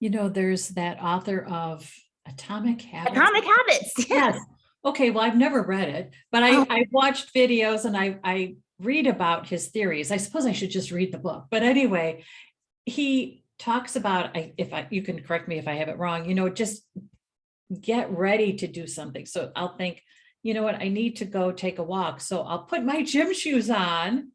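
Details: Adult woman speaking; plain speech.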